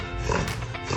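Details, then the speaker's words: Dog reverse sneezing, with air drawn in instead of out, not choking and not an emergency: a brief harsh snorting intake over background music. "or this don't worry your dog isn't choking it's called reverse sneezing and it's just that the air goes in instead of out it's not dangerous or an emergency"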